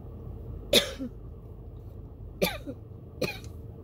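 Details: Tickle in the throat turned into a coughing fit with shortness of breath: three sharp, forceful coughs in quick succession, each with a rough catch; inhaler used near the end didn't stop it. Recorded in a car.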